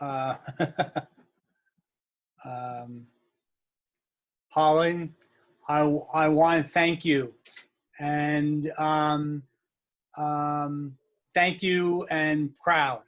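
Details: Adult aphasia group member with aphasia, broken fragmented speech with long pauses; aphasia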